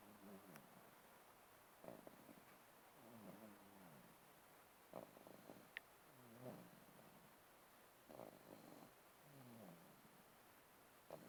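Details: Baby snoring during sleep: soft, regular snoring on each breath, about 10 breaths a minute, against a steady background hiss.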